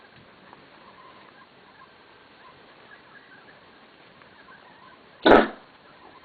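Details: A dog gives a single short, harsh cough in a quiet room; the owner does not know the cause.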